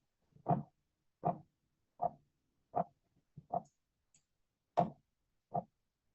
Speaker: Quiero que noten que en cada latido eso como que raspase, ¿no? Eso, ese sonido es el frote pericárdico, ¿no? Y generalmente puede estar asociado a una pericarditis, ¿no?